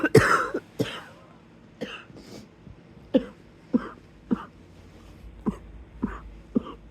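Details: Wheezy cough in bed, the beginning of a coughing episode: about ten short, harsh coughs with a wheezy, rattly edge in a quiet room.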